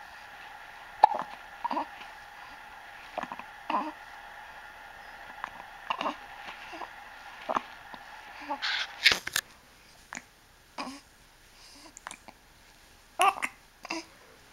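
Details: Infant girl whose vision is developing, her eyes following a hand shaken above her head: soft, sharp catches at a fairly steady pace, about forty a minute, with faint voices and shuffling nearby; hiccups.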